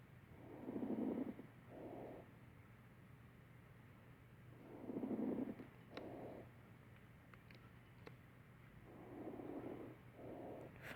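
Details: Simulated breath sounds on a mannequin with fine crackles, heard in a set of adventitious lung sounds including pneumonia.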